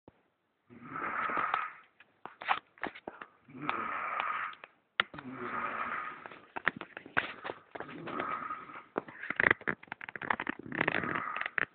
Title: My Wife Snoring